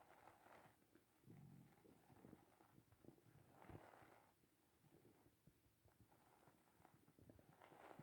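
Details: Morning hunger stomach growling: low gurgling rumbles and irregular bubbly clicks rising and falling over several seconds (borborygmi).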